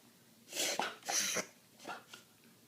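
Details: Dog having a reverse sneezing episode: two loud, harsh snorting inhalations, then fainter ones.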